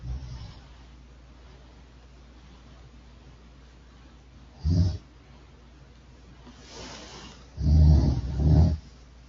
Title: Me and my friend, Snoring ￼